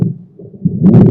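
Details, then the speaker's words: Lung auscultation teaching recording, heard in both inspiration and expiration: brief low-pitched rumbling continuous sound swelling toward the end; rhonchi. "โอเคอีกครั้งหนึ่งเนาะลองคายซาวจะได้ยินทั้งการหายใจเข้าและการหายใจออกนะฮะ"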